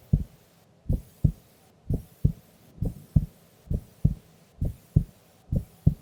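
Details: Female sleeping during an afternoon nap: steady paired lub-dub beats, about 66 a minute, quiet gaps between them; normal resting heart sounds during sleep.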